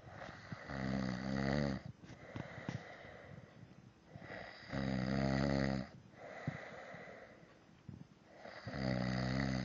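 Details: Loud, rattling snoring, three snores with quieter breathing between, about one breath every four seconds; snoring loud enough to stop the TV being heard.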